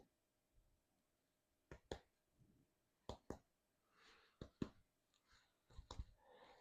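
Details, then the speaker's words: Paired two-finger percussion taps over the posterior thorax give hollow, clear notes; all 10 areas are resonant throughout, the normal percussion note over healthy lung. "um so uh all 10 areas are resonant throughout."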